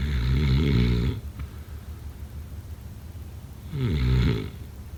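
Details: Snoring: two loud, low, rattling inhaled snores about four seconds apart, roughly 16 breaths a minute, with quiet exhalation between.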